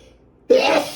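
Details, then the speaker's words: One sudden, forceful adult sneeze after a quiet pause, part of a run of repeated sneezing in a male-female duo; allergies suspected. "Thank you. Oh my god. I got to sneeze."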